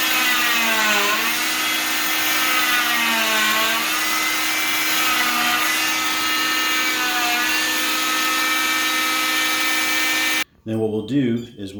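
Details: Oscillating cast saw univalving a cast on a patient's arm, one split across the top as ordered by the doctor, steady high-pitched motor whine with slight dips under load through the fiberglass; cast saw cutting a cast.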